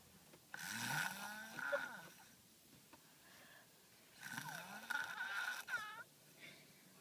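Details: Four-year-old sleeping in a car: two soft, whistling, nasal snores with faint groaning and quiet between breaths, over car noise; light snoring.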